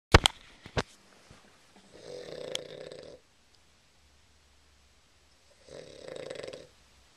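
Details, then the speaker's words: Snoring from a sleeping person, recorded on a Flip Video camera, while someone tells him to roll over because he's snoring. "roll over you're snoring"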